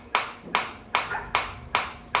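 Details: Biotronix focused shockwave applicator with intensity raised toward maximum (level 13), frequency automatically reduced to keep full energy delivery: loud sharp snapping pulses, about two and a half per second.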